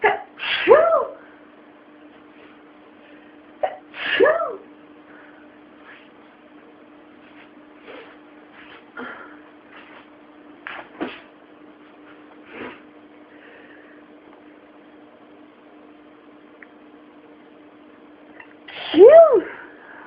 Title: 12 sneezes